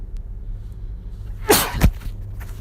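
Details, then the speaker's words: Streamer's sneeze so powerful it made them drop their phone. "I actually dropped my phone. Did you hear that? That was like a sneeze. That was so powerful I dropped it."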